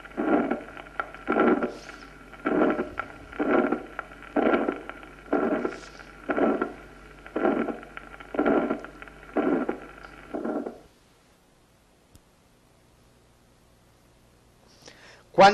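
Harsh, rough mid-systolic murmur at about 60 beats a minute, obscuring the second heart sound, then silence: aortic stenosis murmur.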